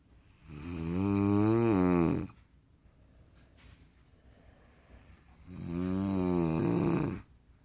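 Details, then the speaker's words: Adult woman (wife) snoring very loudly while asleep: two loud, long, buzzing tonal snores on inhalation, separated by a quiet pause of about three seconds; heavy snoring. "okay what you're hearing right now is my wife is snoring really loud it almost sounds like a long"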